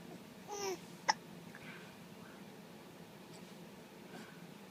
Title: got the hiccups